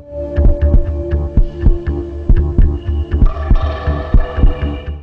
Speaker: what we are actually hearing is a powerful opening and closing of these four valves